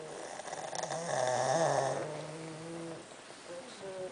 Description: This was the scene late last night: 5 out of my 6 Pug dogs piled up sleeping peacefully.......and snoring!